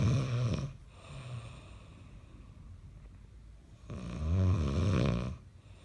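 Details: Adult husband snoring in his sleep: loud, low, rumbling breaths with a fluttering rattle, separated by quieter pauses.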